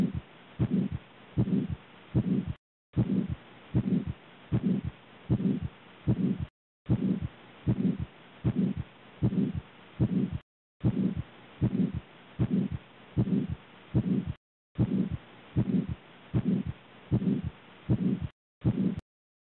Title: Aortic Stenosis sound by stethoscope | auscultation